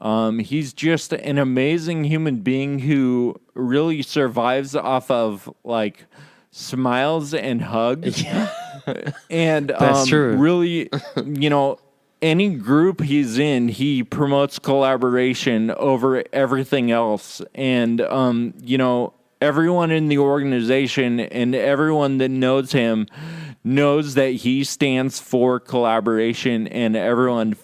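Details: Real male patient with Friedreich's ataxia diagnosed at age 17, affecting muscle coordination including speech muscles and causing slurred speech; ataxic dysarthria.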